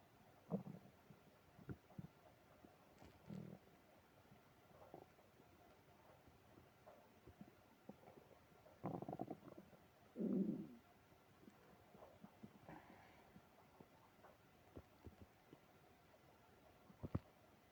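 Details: Stomach growling with tummy trouble after eating ice cream: low gurgles and rumbling bursts over steady room hiss, with a louder prolonged growl near the middle; active borborygmi.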